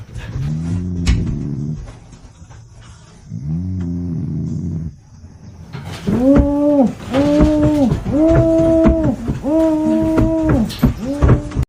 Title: How a Border Collie responds when it finds its owner snoring during sleep #funny#border collie